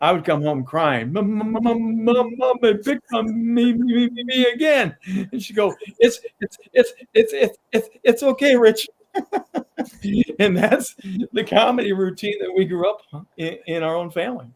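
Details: Adult man with a lifelong stutter, still tripping over words at times; stuttering.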